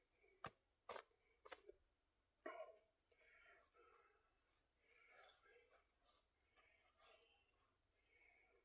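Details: Productive cough in an adult during a back and biceps workout; he reports lung function of only 46% and getting winded, panting and gasping for air.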